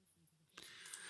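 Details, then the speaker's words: Simulated severe-to-profound right-sided hearing loss (mild/moderate on the left): speech played through the right side is reduced to a barely audible, muffled murmur with no clear words. "So for most of you watching that, you would assume that there was absolutely no sound at all. From my side, I can hear a very quiet murmur. So there is some simulation going on there, but it's very difficult to pick up."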